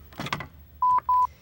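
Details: A brief rustle, then two short electronic beeps as a Medtronic LIFEPAK AED switches on when its lid is opened during a training demonstration: AED power-on tone.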